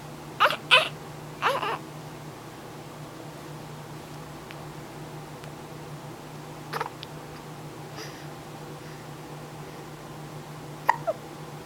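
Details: Infant hiccups: brief, squeaky hiccups at irregular intervals over a steady low room hum.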